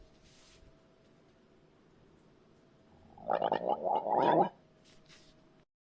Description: Just some recorded gurgle sounds from a 30year old male no burper.